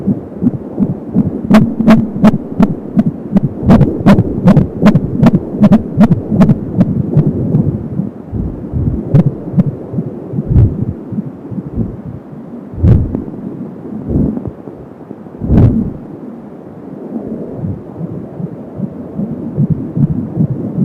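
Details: Fetal heartbeat at 30 weeks of pregnancy on an Angel Sound home fetal Doppler: rapid and regular at about 170 beats a minute, with a whooshing umbilical cord sound.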